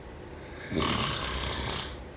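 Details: Snoring during sleep: a single harsh, rattling snore on an in-breath.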